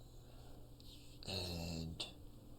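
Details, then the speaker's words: A single low, rattling snore from a dog sleeping in the background rises out of steady room noise and fades after a brief snort: snoring. "Let me know if you guys can hear the dog snoring in the background."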